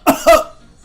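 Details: Cough.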